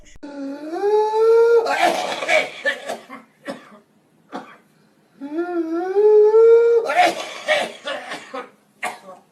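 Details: Two long, rising, high-pitched crowing inspirations, each followed by a run of rapid coughs; the whoop and coughing paroxysms of whooping cough (pertussis).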